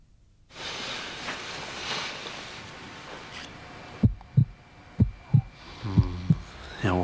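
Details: Staged TV commercial: a teenage boy listens to his own heartbeat with a stethoscope. Rubbing noise at first, then regular low thumps at roughly 60 beats a minute.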